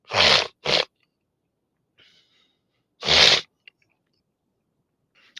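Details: Three loud, sharp sneezes, two close together then one more after a pause, in a quiet room, from an adult sick for several days with congestion, a stuffy nose and a barking cough.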